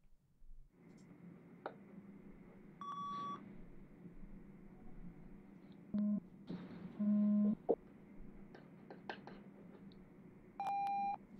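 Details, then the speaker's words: Simulated pure-tone audiometry in an ASMR audiologist roleplay, with tones rising in frequency until no longer heard: several brief steady beeps at different pitches over quiet room noise with soft taps; hearing test tones. "the frequency the sound will get higher and higher what I want you to do is let me know when you stop hearing this"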